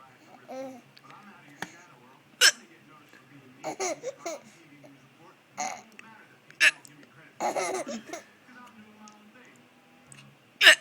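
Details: Mother with hiccups during dinner while her baby laughs at her: sharp, abrupt hiccups recur irregularly among a young child's giggles and babbling; ordinary hiccups.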